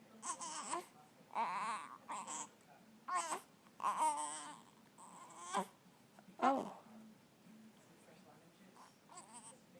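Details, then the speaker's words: Infant with hiccups, fussing in short whimpering cries mixed with babbling in a quiet room; ordinary infant crying. "what is it buddy well talk to me uhuh are they bothering you the hiccups are you growing oh there they are again"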